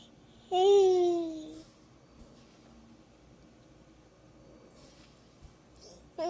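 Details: Child on a mechanical ventilator; vocalization while on a mechanical ventilator.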